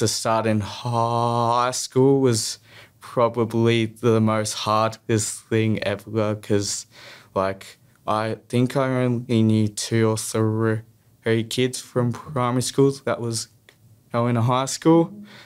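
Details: Stuttering in a young male who has stuttered since primary school.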